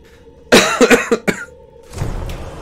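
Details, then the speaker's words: Adult streamer, still ill with hoarse voice and itchy throat: a short burst of about four harsh coughs, then quiet room noise. "je suis encore malade j'ai la voix un peu cassée j'ai une vilaine tout ça me démange dans la gorge"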